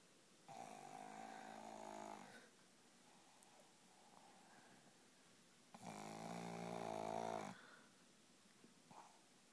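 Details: A sleeping person gives two loud, buzzing, rattling snores, each about two seconds long, with quiet breathing between them. Snoring.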